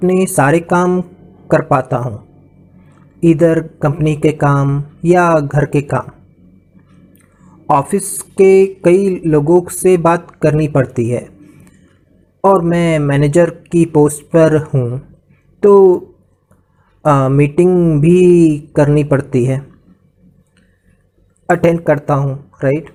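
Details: Adult man with aphasia after a stroke/brain hemorrhage in 2014, about two years of speech therapy, improved but still affected; aphasia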